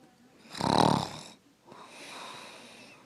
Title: Snoring